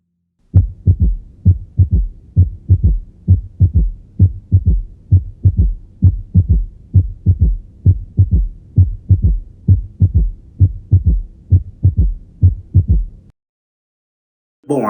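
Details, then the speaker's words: Simulated heart sounds at about 66 beats a minute with a soft, low extra sound in early diastole (first third); third heart sound, S3 gallop. "agora vamos colocar os fones de ouvido para a gente escutar a representação sonora a terceira bulha"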